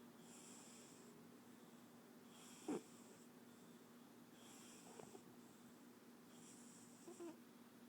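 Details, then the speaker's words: Sleeping cat snoring, which the owner calls bad snoring: soft, regular whistling breaths about every two seconds over steady room hum. "Hey, you're snoring. Roll over. Sonoma. Have you ever heard a cat snore that bad?"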